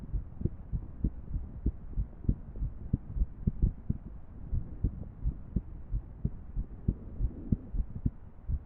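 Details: Heart sounds from a female with an irregular heartbeat: dull, low thumps at uneven intervals, some close together and others spaced apart, over a soft steady hum.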